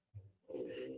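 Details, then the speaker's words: Loud snoring from a sleeping female companion, heard in the background during a live talk; she snores like crazy before waking. "You can hear her. I know she's snoring like crazy."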